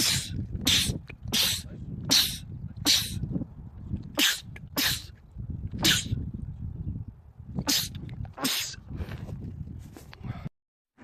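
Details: Male sneezer, part of a compilation of rapid sneezing attacks: a rapid burst of about a dozen forceful sneezes in quick succession over low rumbling background noise, a sneezing fit.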